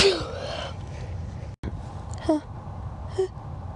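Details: Repeated sneezing with build-ups: a forceful sneeze, then two short inhaled catches as another sneeze builds.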